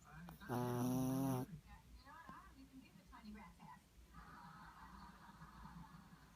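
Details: Loud snoring from Eddie, who weighs 6 pounds.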